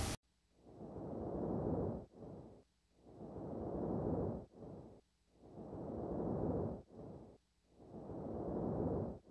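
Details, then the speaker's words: Decreased vesicular breath sounds over the right interscapular and infrascapular areas in a child with pneumonia consolidation: soft, muffled vesicular breathing at about 25 breaths a minute. "vesicular breathing of decreased intensities appreciated in the right inner scapula and infrascapular areas"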